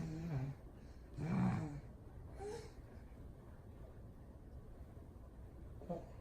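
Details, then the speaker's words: Infant girl with laryngomalacia, breathing rapidly while excited: a low, vibrating croak on inspiration as the floppy airway flap moves; inspiratory stridor. "this clip that I took her flap was still like moving or whatnot so when it came in and she got excited and was breathing rapidly it sounded like they were vibrating and making a croaking sound"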